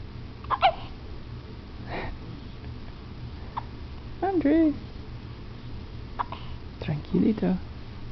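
Several short, sharp hiccup catches, some followed by soft fussing voice sounds, over background hum. Hiccups.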